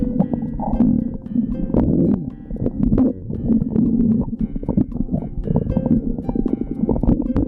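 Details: Stomach growling (borborygmi): continuous low gurgling and rumbling with bubbly, irregular pops and squeaks.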